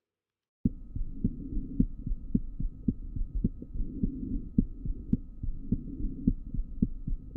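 Regular heart sounds at about 110 beats a minute, the second sound intermittently split: physiological splitting of the second heart sound, a normal finding.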